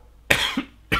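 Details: Cough from an adult with months-long lung problems: lung unable to fully expand with elevated diaphragm, plus snoring and sleep apnoea.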